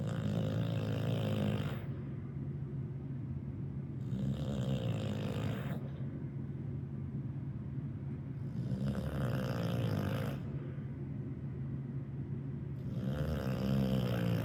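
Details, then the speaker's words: Two-year-old female dog, Harley Mae, sleeping and snoring loudly with a harsh, rasping, chainsaw-like rumble, about 14 breaths a minute; her usual sleep snoring. "And this little snore that she does when she's sleeping, that's just her."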